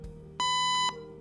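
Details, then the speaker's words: Training AED demonstration: voice prompts "Shock advised. Don't touch patient. Shock will be delivered in 3, 2, 1," then a steady high half-second beep marking shock delivery, followed by a prompt to start CPR. "Shock advised. Don't touch patient. Shock will be delivered in 3, 2, 1."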